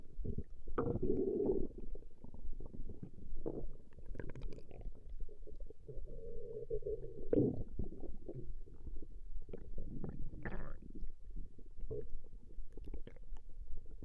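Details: Stomach growling recorded from a woman over a 20-minute session: low, continuous gurgling and rumbling with a few longer drawn-out growls; borborygmi, normal bowel sounds.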